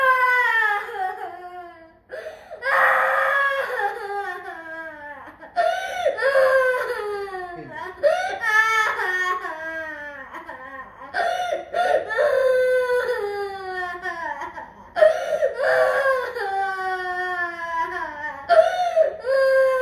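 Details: Crying of a girl about to turn 6 years old while getting blood drawn: sustained loud wailing in repeated sobbing bursts with catching breaths between them.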